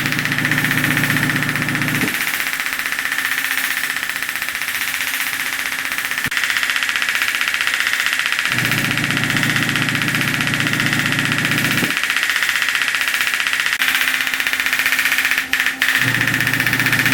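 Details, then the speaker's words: Fast steady mechanical tapping, about 230 pulses a minute, over machine hum, sped up: radial pressure wave handpiece on a young basketball player's swollen left ankle sprained three weeks ago, pain at ligament below ankle and lateral malleolus. "wave or pressure wave. Some people call it radial shock wave. It's not true shock wave, but it is a very effective modality for reducing pain and inflammation."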